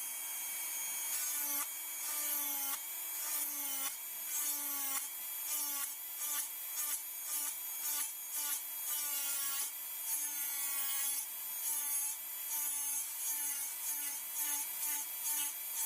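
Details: High-speed dental handpiece doing multiplanar occlusal reduction, mesial then distal slopes of buccal cusps, on a typodont mandibular first molar (#36) for a full veneer crown: high steady whine dipping in pitch with each short cutting stroke.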